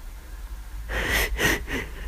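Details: Adult with flu, constant itchy nose and aching from frequent sneezing: a short run of two or three quick, explosive sneezes.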